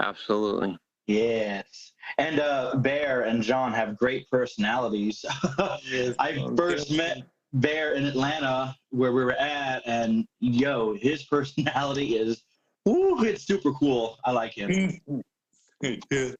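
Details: Adult male speaker; ordinary speech.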